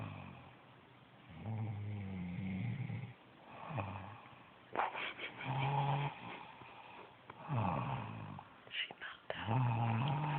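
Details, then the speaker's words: Mother asleep and described as tired, snoring with low, rough, irregular snores on in-breaths at about 15 a minute, with quiet room noise between and likened to a thunderstorm; snoring. "I sleep this usually I'm sleep right now this is like a thunderstorm you believe no this is ridiculous"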